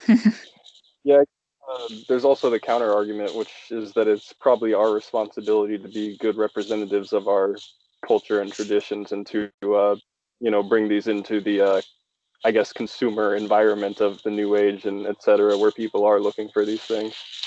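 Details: Adult male speaker; normal speech.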